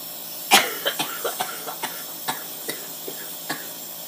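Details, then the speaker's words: A strong cough burst, then about ten smaller repeated coughs, from a 25-year-old with cystic fibrosis, lung function 25% and on the double lung transplant list, coughing up mucus after inhaled hypertonic saline; productive cough. "but uh this one takes a good about 15 minutes to you know cough up everything in your lungs get your little lie headed kind of make sure you want to shoot yourself sometimes"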